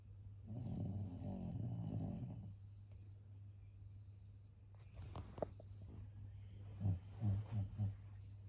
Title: 11/1/23 11:30pm lucky’s very tight sleep w snoring 💤 so cute 🥰